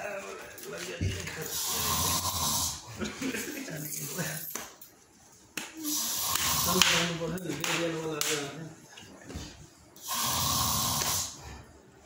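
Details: Snoring: loud, harsh, rattling breaths in a small room, with gaps between them; heavy snoring.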